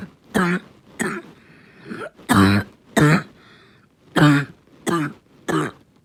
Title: Barking cough 2